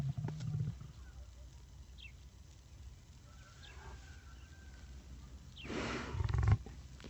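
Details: A lion's sneeze recorded outdoors: wind and a low rumble, then a single short, forceful, hissing nasal blast near the end.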